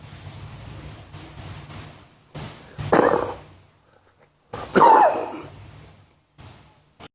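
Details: Adult (a minister) gives two loud, harsh coughs during a discussion of road project costs, with quiet room noise between them.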